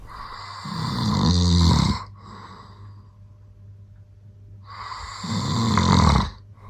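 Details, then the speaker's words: Very loud, deep, rumbling snores on long breaths in, with quieter breaths out between them, from a sleeping father recorded at night by his wife; snoring. "Sarah thinks that we need to build in the soundproof isolation chamber because of how loud a snoring is"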